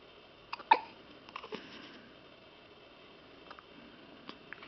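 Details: Boy with hiccups: one sharp, sudden hiccup, then a few fainter catches in a quiet room; ordinary hiccups.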